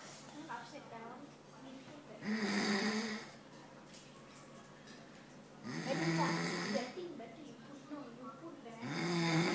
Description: My dad snoring! Must watch!